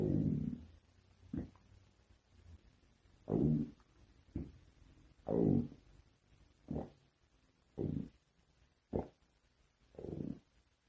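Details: A series of low gurgling rumbles and short squelching bursts, about eight in eleven seconds, in a quiet room: ordinary stomach growling (borborygmi).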